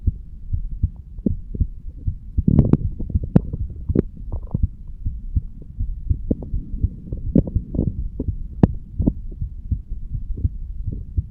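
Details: Normal heart sounds of a 35-year-old standing male recorded at the bicuspid (mitral) valve area: regular low thudding paired lub-dub beats with a few scratchy contact noises.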